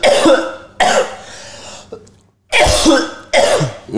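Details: Four harsh dry coughs in quick bursts with short pauses and no rattle, from a child with autism.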